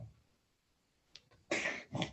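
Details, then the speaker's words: Cat having a brief coughing fit: two short, harsh, noisy bursts heard in the background of a talk. "i apologize the kitty's having a little coughing fit if you hear that"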